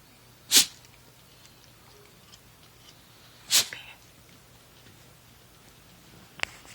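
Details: Dog sneezing repeatedly: two sharp, hissing sneezes about three seconds apart with a quieter click near the end, in a quiet room.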